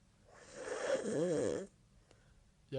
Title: Funniest Snoring Video